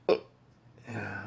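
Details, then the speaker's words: Person with persistent intractable hiccups since December 2015, hiccupping every 1–3 seconds (20–60 per minute), with breathing and choking spasms, burping and regurgitation; cause undiagnosed. "you're hiccupping every three seconds and you just want out of your body"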